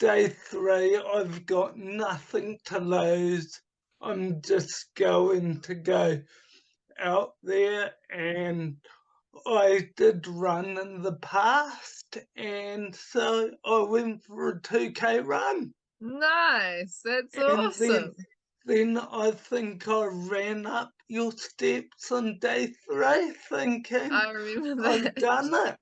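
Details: Adult man with cerebral palsy from oxygen starvation at birth, affecting his right hand and speech; speech has improved markedly but is not back to normal; he also recovered from chronic fatigue syndrome and chronic pain; dysarthria (cerebral palsy).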